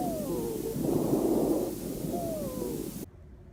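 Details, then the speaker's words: Wheezes heard through a stethoscope on a volunteer, right side: high-pitched musical whistling over breath sounds, from airway narrowing as in asthma or foreign body; demonstrated by physical therapy students. "the next sound will hear is wheezes this is a high-pitched musical sound caused by the Airways narrowing this can be heard in patients with asthma or if they have a foreign body lodged in their throat"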